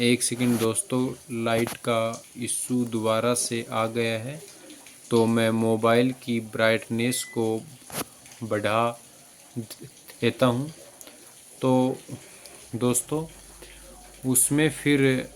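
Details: Adult man in a government job with stammering since childhood, who consulted doctors at AIIMS Jodhpur and notes fewer blocks in relaxed conversation; stuttering.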